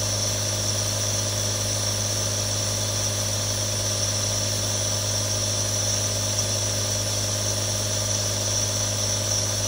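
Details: Real sound of a nebulizer running: steady continuous motor hum with low buzz and airy hiss, unchanging throughout.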